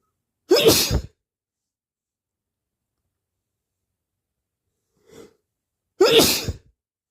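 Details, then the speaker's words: Sneezing with a cold: two loud, explosive sneezes a few seconds apart with a faint sniff between them, in a quiet room. "I need to sneeze. I need to sneeze. Bless me. I need to sneeze again. Bless me."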